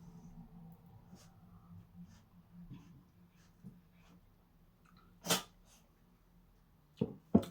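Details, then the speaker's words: Three sharp, brief sneezes from an old cat in a quiet room, the last two close together; the cat is sneezing with a snotty nose. "if you can hear that sneezing it's not me obviously it's the old girl the old cat here down here having a bit of a sneez in a snot"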